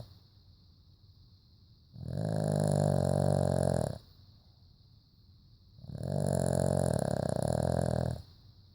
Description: My pup snoring away. Hard to sleep now with you gone.